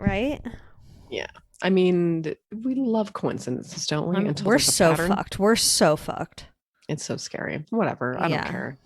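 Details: Adult woman speaking; ordinary speech.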